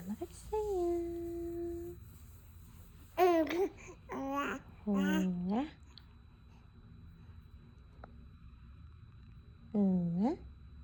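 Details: Newborn boy, just after finishing a feed, makes several soft, drawn-out cooing and babbling vowel sounds in a quiet room: infant babbling (cooing).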